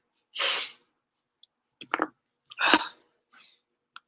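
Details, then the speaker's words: Two sharp, explosive sneezes, each preceded by a brief sharp inward breath, then faint trailing breaths in a quiet room; repeated sneezing. "Got some sneezes, Hear that. but I think it would."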